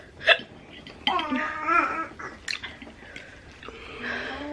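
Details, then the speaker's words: Person who says they get hiccups easily, hiccuping after a first bite of sticky food and complaining of stomach burning like heartburn; hiccups. "i must do the first bite it's so sticky i get hiccups so easy guys"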